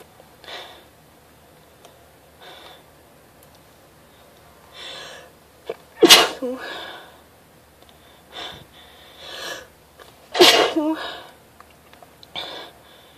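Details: Something in the air tickling the nose: several sniffs and breathy inhalations building to two forceful sneezes in a quiet room; sneezing.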